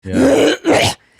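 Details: Adult clearing the throat, saying they may have a little cold: two-part voiced, low, rough "ahem" into a close microphone; throat clearing.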